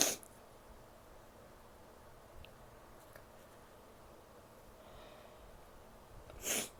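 Two sharp, hissing bursts fit sneezes, one at the start and one at the end, with quiet room noise between.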